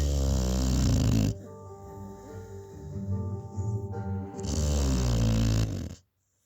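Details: Sleeping Amstaff dog: two loud, low, rattling snores, with music playing in the background; snoring.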